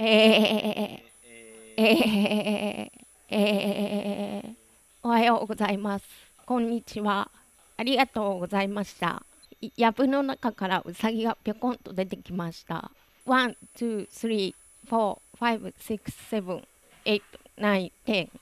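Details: Adductor spasmodic dysphonia, surgical case 2; reading standard test phrases, probably recorded before surgery, though this is not stated.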